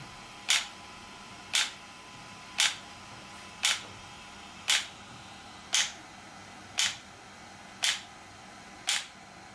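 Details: Sharp, evenly spaced snapping pulses at about one per second in a quiet room, from an ESWT shock wave therapy device used on a patient for joint, muscle and bone pain relief.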